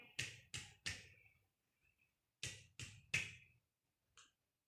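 Two sets of three sharp taps on the chest, each with a brief hollow ring; a normal resonant percussion note over healthy lung.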